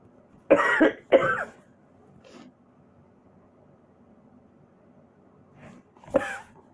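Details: Two sharp coughs close together, a faint cough shortly after, then one more cough after a quiet pause, from a person who says they feel itchy and is also sneezing.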